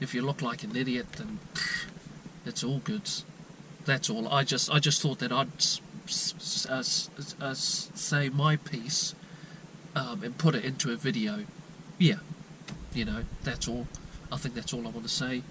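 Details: Lifelong stuttering since childhood (first noticed around age 9–10 or younger) in a 22-year-old man from New Zealand, with word repetitions and blocks mostly at word onsets; never seen by a doctor or therapist.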